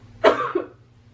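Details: Faked cough in a coughing-blood prank: a single short, wet-sounding cough, staged rather than from illness.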